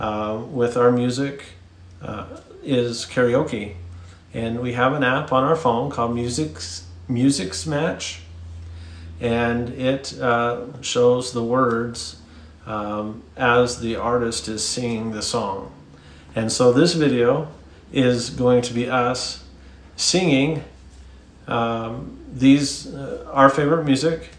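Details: Adult male speaker; normal speech.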